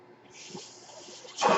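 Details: Mechanical ventilator: the speaker's own ventilator, heard behind his podcast speech.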